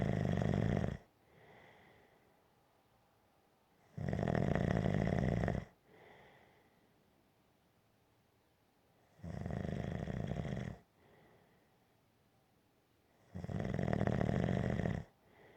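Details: Gentle snoring: slow, regular snores with four loud, low, rumbling inhalations in about 15 seconds and quiet breaths between, roughly 15 breaths a minute.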